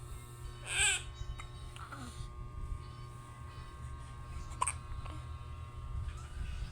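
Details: Infant hiccups: a couple of brief, soft hiccup sounds against quiet room noise and faint music.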